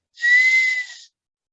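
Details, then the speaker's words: Steady high-pitched whistle imitating the musical whistling of wheezes from the lower airways, likened to a sweet-potato seller's whistle, in a Spanish-language teaching session on respiratory signs. "escuchan las respiraciones con su estetoscopio hoy en este tipo de silbidos a esos silbidos se parecen muchísimo por ejemplo cuando pasa el señor que venden los camotes"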